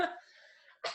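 Two quick cough bursts less than a second apart, with a loose, rough quality between them; a wet, productive cough.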